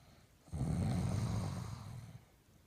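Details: Sophie snoring, recorded spring 2015: a single deep, rumbling snore lasting about one and a half seconds.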